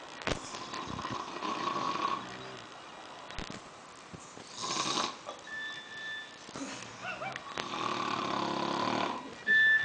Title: two guys snore until cell phone rings